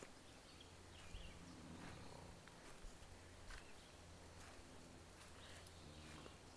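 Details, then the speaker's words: Man snoring after a rough night while camping, repeated low rattling rumbles in time with sleep breathing against quiet outdoor background: snoring. "he probably hear me that I think he's snoring oh my God you want to hear it yeah he's snoring"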